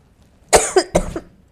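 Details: Two quick coughs with short throaty tails from an adult on a sick day, recording a French-learning podcast; ordinary cough.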